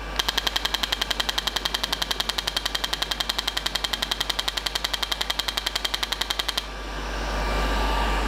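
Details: Rapid, regular sharp clicking pulses, about 220 a minute, then stopping: a radial shockwave therapy device firing over gel during treatment of calcific tendinitis.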